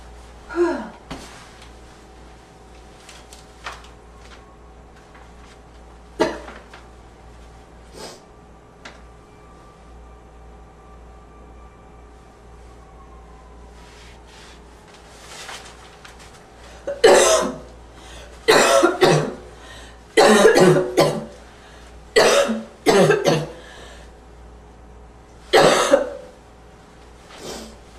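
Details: Adult with a run of about eight harsh, barking coughs after a few quieter throat sounds, described as a slight wheezy barking cough.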